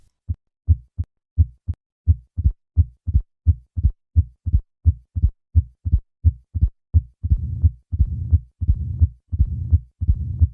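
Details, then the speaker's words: Simulated heart at 85 beats a minute: normal sounds, then an added opening snap, then the low rumbling diastolic murmur of mitral stenosis, easily mistaken for a systolic murmur at this rate. "Listen to the murmur of mitro stenosis at a heart rate of 85 and notice how easy it is to mistake this for a systolic murmur. I will begin with normal heart sounds and then add the opening snap and then the murmur."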